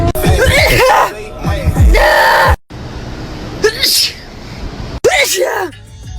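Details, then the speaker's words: Person sneezing: several loud, explosive sneezes, each with a sharp intake before the release, with music in the background; sneezing. "WHAT? JUST SNEEZED ALL OVER MY PHONE."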